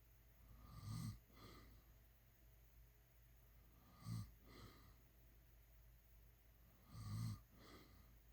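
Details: Three low rattling snores on the in-breath, each followed by a softer out-breath, about 19 breaths a minute; ordinary snoring.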